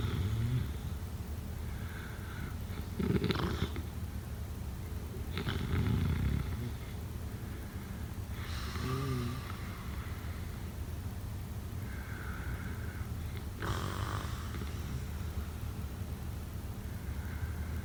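Irregular low rattling snorts during sleep breathing over a noisy room background, consistent with snoring.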